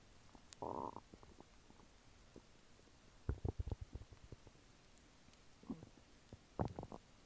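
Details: Normal bowel sounds after eating chicken nuggets and fries: intermittent gurgles and bubbly clicks from the belly, typical active bowel sounds after a meal.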